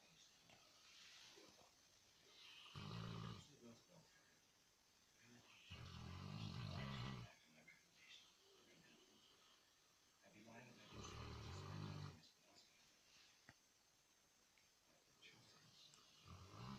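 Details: Sleeping, tired Saint Bernard: deep, rumbling snores on each breath in, about every three seconds, over quiet room noise.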